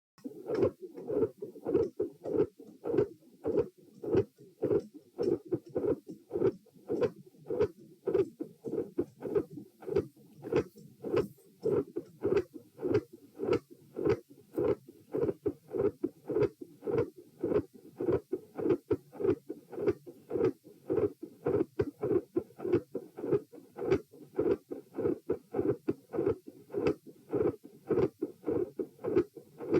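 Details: Heart sounds recorded at position P with patient sitting: regular rhythm, quiet S1 and loud fixed split S2; near the end S1 and S2 grow louder, a murmur appears and the S2 split widens.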